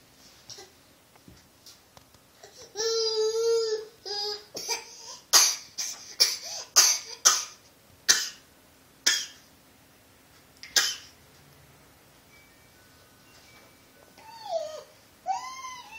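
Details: A child makes a run of short, forced cough bursts between voiced whines; a deliberate, put-on voluntary cough.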